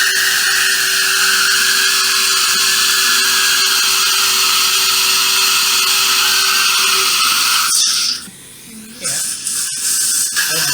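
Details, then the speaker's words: Dental implant surgery with guided bone regeneration in an extraction socket: steady high-pitched drill whine about eight seconds, then suction noise, as a side-cutting drill makes the initial drilling point along the palatal wall. "So I connected drill to the drill extension, and now I'm making initial drilling point with a side cutting drill along the palatal wall."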